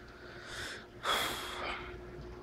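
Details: Puggle dog, unwell with sniffling and coughing, gives two sharp, hissing nasal bursts: snorting or sneezing through the nose.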